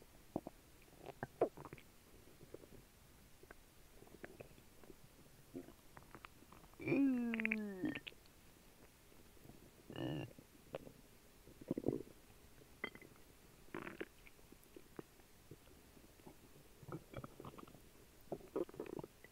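Quiet gurgles and clicks with a longer squeaky rising rumble and a few louder gurgles; stomach churning from a mildly upset stomach.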